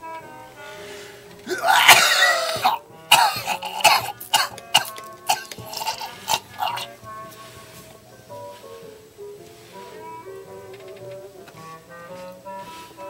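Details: An adult man's harsh, repeated smoker's coughing fit with throat clearing, over background music.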